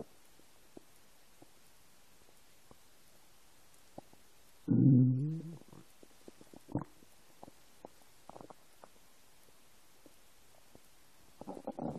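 A quiet room, then a loud low gurgling rumble and a few softer bubbly gurgles: ordinary stomach growling from an empty stomach.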